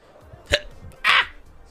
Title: 3 hiccups